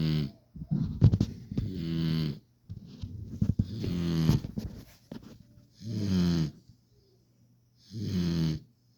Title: puppy snores